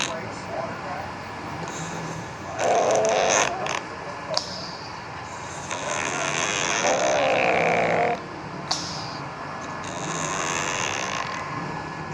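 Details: Sleeping cat snoring: soft, rough breathing with noisy snoring on each breath over steady room noise; ordinary snoring.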